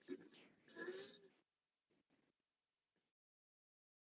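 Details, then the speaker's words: Inspiratory stridor recorded during sleep in a patient with multiple system atrophy, with the vocal cords paradoxically closing on inspiration: two brief, harsh, high-pitched crowing noises on breathing in. "listen as the person breathes in the vocal cords paradoxically close and we get the stride or sound that's not breathing out that's breathing in"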